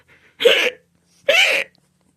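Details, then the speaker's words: Simulated hiccups acted by a puppet character: two short voiced hiccup sounds about a second apart. "Oh, no, now I got the hiccups. Does anyone know how to get rid of hiccups? I can't get rid of the hiccups."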